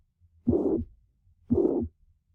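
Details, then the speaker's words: Patient with mitral regurgitation: three normal beats, then a holosystolic murmur of constant intensity, high-pitched and blowing, heard best at the cardiac apex, as blood regurgitates into the left atrium. "it's throughout systole that swishing sound the intensity of the my trigger so that swishing sound was the blood regurgitating back through into back through the mitral valve into the left atrium"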